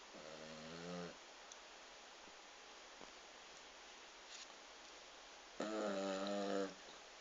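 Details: Yorkie dog asleep, snoring: two separate buzzing snore sounds with quiet breathing between them.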